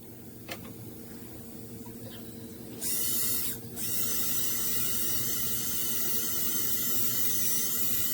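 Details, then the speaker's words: Dental polishing after composite restoration of chipped, eroded upper central incisors in an adult male with incisal wear and abfraction lesions: steady high whirring hiss of the dental handpiece after a few quiet seconds. "Want to just maybe some polishing? Say a little poking?"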